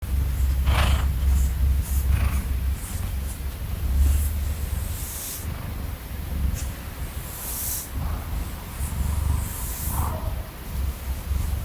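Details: Male cat sleeping under the covers beside the owner: loud, continuous low rumbling purr rising and falling with each breath; content, sleepy purring.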